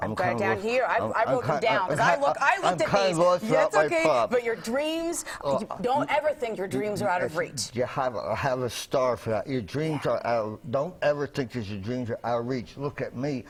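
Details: Adult man speaking; normal speech.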